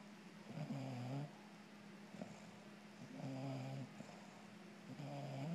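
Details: Robin, a female bulldog cuddling with her owner, snoring with regular low buzzing snores on the in-breath, about three in under six seconds, over a steady background hum; snoring.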